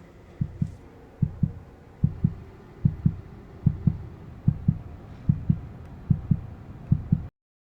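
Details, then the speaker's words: A dramatized fetal heartbeat from an ultrasound in a TV drama scene, at about 6 weeks of pregnancy, gives regular paired thumps at about 74 a minute. "임신이에요. 6주 정도 됐네요. 아기 심장 소리 들어 볼래요?"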